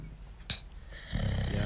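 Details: Dog snoring during sleep while someone disturbs it: a brief low rumbling snore with a snort partway through; ordinary snoring.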